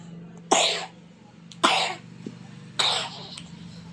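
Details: Three short, harsh, dry cough bursts about a second apart over a steady low background hum from a young child who has a cough; a repeated cough.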